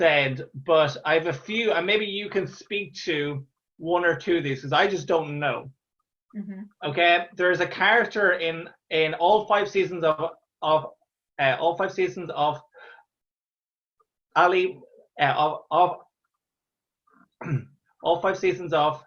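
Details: Real stammer in an adult Irish male stand-up comedian who has stammered through his comedy career since 2010, speaking conversationally with repeated phrases; stuttering (stammering).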